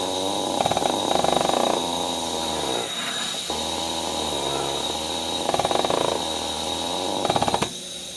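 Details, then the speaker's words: A Vortran Percussive Neb 2.0 running during setup while the user tries it: rapid buzzing pulses of about four per second over a steady mechanical hiss, felt as added resistance similar to EzPAP; a percussive nebulizer running. "this is really interesting so what it feels like [Music] comfortable small engines running but what it really feels like is a lot of extra core resistance very similar to easy PAP"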